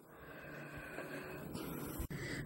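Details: Pit bull dog napping in a backyard shed, its loud, rough, rumbling snore with a harsh rattle on each breath mistaken by the owner for a tractor: snoring.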